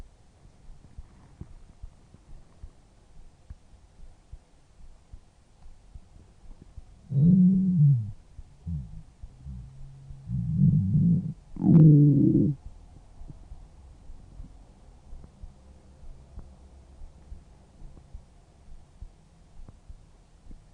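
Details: Three low, gurgling rumbles from a woman's belly: ordinary stomach growling (borborygmi), a normal digestive sound.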